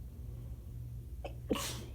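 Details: Woman's sneezing fit triggered by accidentally spraying shower water up her nose, which burned first: quick inward catch of breath followed by a single loud, sharp sneeze.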